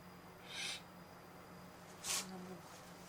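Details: Adult sneezing twice: two short, sharp, hissing bursts about a second and a half apart.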